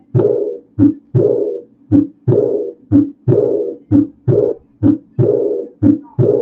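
Regular heartbeat at about 60 per minute, each beat a short first sound followed by a second sound that trails into a soft, blowing, fading noise through the resting phase. This is the early diastolic decrescendo murmur of aortic regurgitation, blowing in tone and unlike ejection murmurs.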